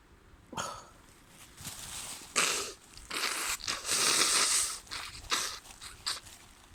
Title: wet spring cold sneezes and nose blows